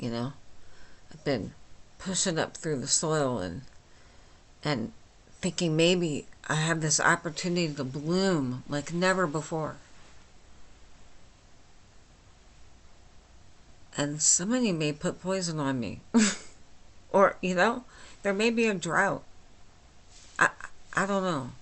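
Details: Adult woman with myasthenia gravis since age 8 causing lifelong talking and swallowing problems, speaking without her usual speech appliance; she says she is understandable but not perfectly; dysarthria in myasthenia gravis.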